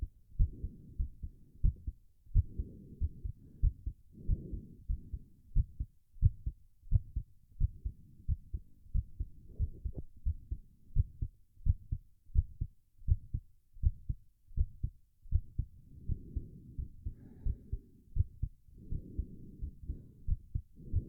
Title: Male's Racing Heartbeat While Doing A Plank (Heavy Breathing)